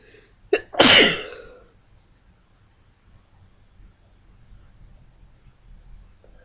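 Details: A short intake of breath followed by one forceful, hissing sneeze, then quiet room noise.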